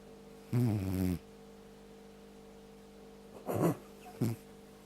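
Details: Three rough, low snorting snores, the first long and vibrating and the others shorter, with steady room hum between: snoring.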